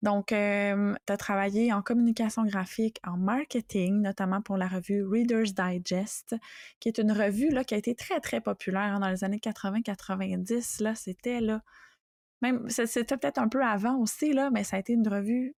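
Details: Adult woman speaking French; typical speech.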